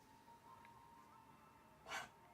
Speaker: Sorry, I told you they're going to be puppy coughs so you can hear them in the background.